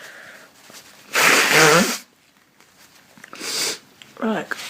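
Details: Two loud sneezes with voiced bursts in a small room, then a brief vocal sound; person with a very congested nose who says she is sick.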